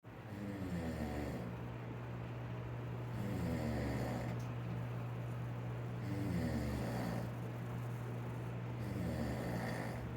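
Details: Steady rumbling snoring with repeating low rattling sounds from a sleeping adult man (the recorder's father).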